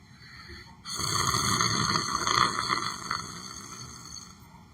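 One long, harsh, rattling breath-in noise of about three seconds from a sleeping adult, consistent with snoring, over a steady background hum.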